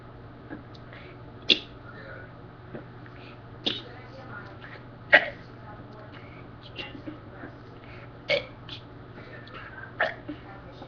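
Brief, abrupt throat sounds recurring irregularly, about five in ten seconds, over a steady hum; a pattern of hiccups.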